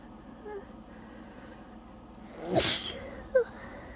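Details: One loud sneeze over low room noise with a short sharp sound after, from an uncontrollable sneezing fit that left the person breathless and lightheaded.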